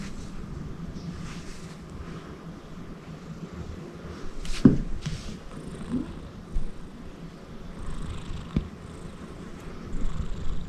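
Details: Loud snoring of a big male Persian Himalayan cat: a low, steady rumbling snore with soft snorting noises, recorded up close in a quiet room.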